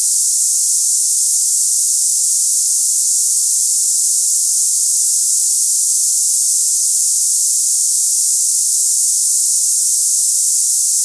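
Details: Simulated cicada-like tinnitus: a high-pitched hissing, buzzing sound offered for comparison with ringing, buzzing or hissing in the ears.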